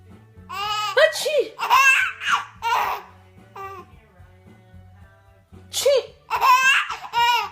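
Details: Seven-month-old infant laughing then sneezing: giggling and squealing broken by short, sharp sneeze-like bursts.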